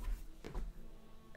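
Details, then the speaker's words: Brief deep gurgling rumble from the speaker's own hungry stomach before lunch; ordinary hunger stomach growling (borborygmi). "you hear that? That's my stomach. I'm hungry."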